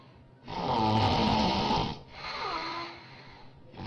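One loud, rattling snore on the in-breath, followed by a softer whistling out-breath.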